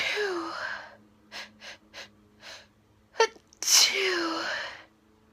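Two full sneezes, each a rising inhaled 'ah' then a sharp explosive burst, with faint breaths and a small catch between them.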